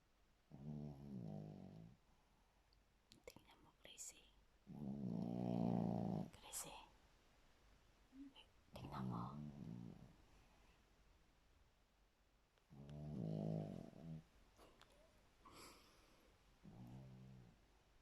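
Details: Slow, rattling snores at about four to five a minute, each a low buzzing breath drawn in during sleep, with quiet room noise; snoring.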